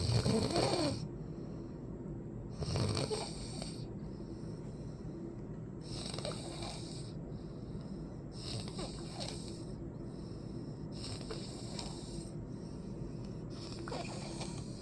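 Loud, rough snores recur every two to three seconds over a steady low rumble; ordinary sleep snoring.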